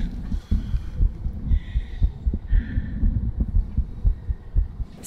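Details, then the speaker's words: Heart of a female patient with diastolic dysfunction and a known murmur, after exercise. The fast, regular beat carries a more turbulent whooshing murmur that partly drowns out the heart sounds. "so as you could hear it was a lot more turbulent you can hear that moma more so than your heart sound which is very interesting"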